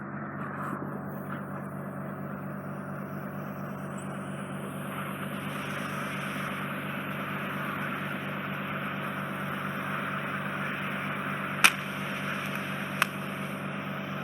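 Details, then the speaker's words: Microsuction clearing wet wax occluding a woman's inflamed, scarred (tympanosclerotic) eardrum, reaching the eardrum: continuous loud suction roar with a couple of sharp clicks. "It will be a bit noisy. That's the thing that you'll notice, Simone."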